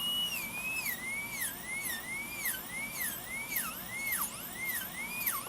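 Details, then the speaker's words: Dental handpiece drilling during a training demonstration: a high whine rising and dipping in pitch about twice a second as the bur moves up and down during a depth cut, avoiding plunging to limit heat build-up. "so for example if I'm making a depth cut just going straight into the tooth I want to go up and down not just plunging the Burr right in so I'd want to do this"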